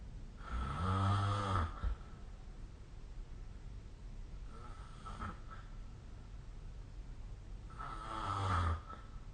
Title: 🐽 いびきの音 / Snoring Sleep Sound 2025/05/23